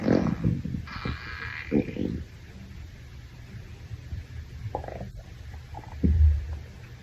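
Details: Male stomach growling after a shower, attributed to hunger: low gurgling rumbles and squelches, loudest at the start and end; borborygmi.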